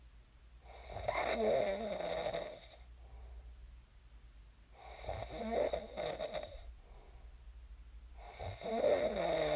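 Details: Recording of a person snoring in their sleep, shared as snoring ASMR: three steady, rumbling snores about every four seconds, roughly 15 breaths a minute, with quiet gaps between.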